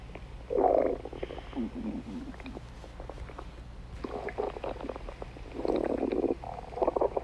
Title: Chase stomach growling 4